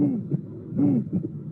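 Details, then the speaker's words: Real, unfiltered electronic-stethoscope auscultation of aortic stenosis with musical murmur, room noise audible. "so this is a aortic stenosis with a musical uh [Music] impression as you will notice there is no filtering in this case of the electronic apparatus"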